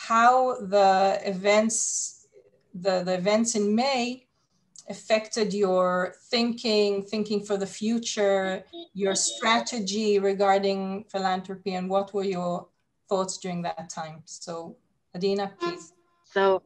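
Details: Adult woman speaking; normal speech.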